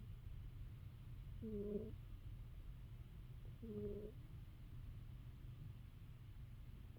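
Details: A sleeping female cat snores often, sometimes louder than this; two soft, low, tonal snores about two seconds apart over a steady low room rumble.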